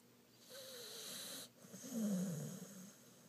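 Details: Loud, rough, fluttering breathing with a whistling note from a pit bull dog snoring really loud; snoring.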